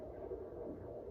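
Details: Fetal heartbeat found at home with a Premom fetal Doppler: a steady whooshing hum with fast, soft pulsing.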